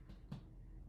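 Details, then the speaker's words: Two soft, hollow taps from finger percussion over the abdomen of an adult male patient lying back during an abdominal exam; tympany across all four quadrants, an expected normal finding. "So I hear tympany across all four quadrants of your abdomen, which is an expected finding."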